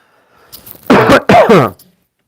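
Two short, loud voiced cough bursts in a quiet room; an ordinary cough.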